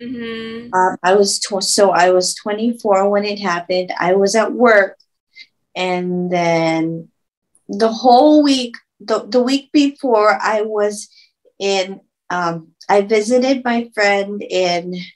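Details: Aphasia in a woman after a stroke at age 24, about 10 years earlier, with reported auditory processing difficulty, trouble finding and saying words, and reading difficulty.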